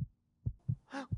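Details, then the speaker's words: Normal heartbeat heard through a homemade paper-cup-and-string listener in a children's science demonstration: faint low thumps with a brief child's voice. "들린다 들려 나도야 내 심장 소리 들려 두근두근 두근두근 잘들려"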